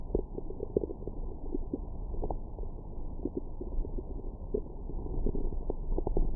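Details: Stomach growling after breakfast: irregular gurgles and low rumbles from the belly; ordinary bowel sounds after eating.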